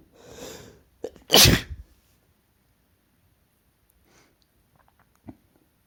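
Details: Induced sneeze in a male: sharp inhalation, then one loud explosive sneeze with a brief breath afterward; ordinary single sneeze.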